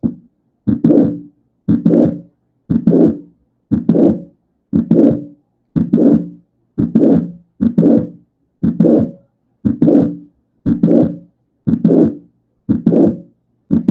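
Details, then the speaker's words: Regular heart sounds at about 59 a minute, each with a mid-systolic click followed by a late systolic murmur, pointing to mitral valve prolapse rather than a rheumatic cause. "Vean cómo a la mitad de la sístole se escucha un clic y posterior a ese clic en el soplo. Eso nos dice que es un prolapso."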